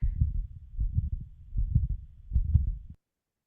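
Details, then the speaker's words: Loud, very intense continuous rumbling murmur waxing and waning through each beat and fully covering the second heart sound, about 77 a minute, often with a thrill at the pulmonary area: machinery murmur of patent ductus arteriosus. "Este sonido está descripto como un soplo en maquinaria."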